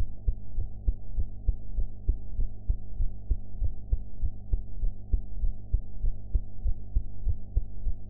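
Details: Heart sounds recorded after eating, with audio enhanced: steady, regular, muffled thumping heartbeat at about 100 beats per minute under a constant low hum.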